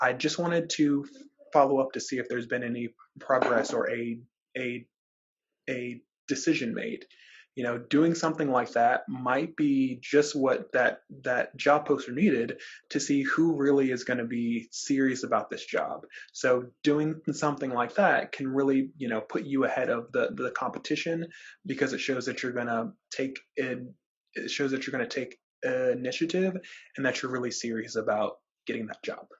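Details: Adult man who describes himself as a person who stutters, speaking in a webinar with repetitions and filler interjections; stuttering.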